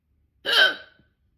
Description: Terrible hiccups! They were so loud and wouldn’t go away when I held my breath.